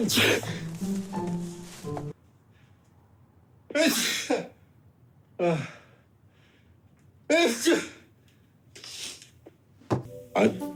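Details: Acted sneezes from a TV drama, by characters sneezing from cat allergy or illness: several short, sharp sneeze bursts with quiet gaps over light background music.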